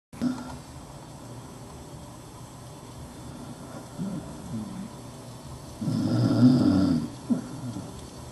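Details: Dachshund dog snoring under a desk: soft, low breathing with one louder, rattling snore near the end.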